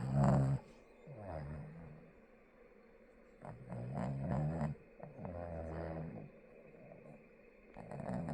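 Deep, rumbling, irregular snores with a growl-like rattle, roughly 15 a minute, with quiet gaps between; snoring.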